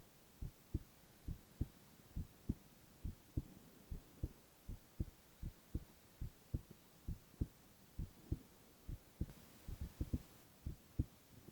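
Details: Male ASMR heart-sound recording with no talking: steady lub-dub at about 69 beats a minute in a quiet room; normal heart sounds.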